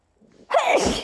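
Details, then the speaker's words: A brief indrawn breath, then one forceful, explosive sneeze from a person with severe hay fever who reports nose tingling and repeated sneezing. "okay i have to sneeze thank you i have i have to sneeze"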